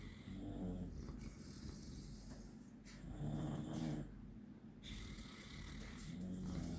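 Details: Loud snoring from 16-week-old Oliver, a puppy; snoring.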